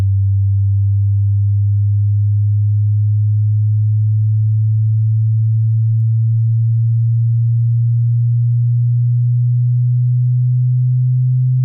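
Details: Hearing test using headphones: a steady pure low-pitched tone stepping slightly higher partway through as displayed audio frequencies play; audible range typically 20–30 Hz to 10–16 kHz depending on age, some hear 16 Hz–20 kHz; hearing test tones.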